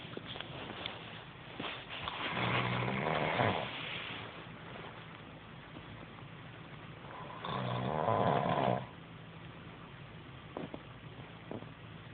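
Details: Man asleep, who says he doesn't snore: two rough, rattling inspiratory snores about five seconds apart over faint room noise; ordinary snoring.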